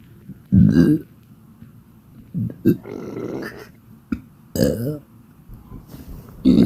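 Repeated loud, deep belches with short gaps, about five in under seven seconds, from an adult who is badly bloated.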